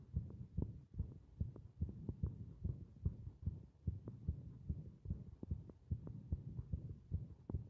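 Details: Heartbeat from a heart working against compression: rapid, fairly regular low thumping, about 146 beats a minute, with a steady hum underneath.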